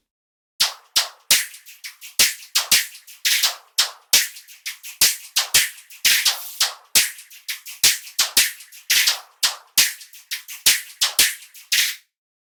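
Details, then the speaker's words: Simulated cochlear implant hearing of drums three months after surgery, for single-sided deafness: thin, crisp hits with almost no bass; hi-hat and snare are perceived well, kick drum poorly. "some fragment of the drums sounds quite close to the original. of course, it's a little different because of the modulation of this sound, but listen."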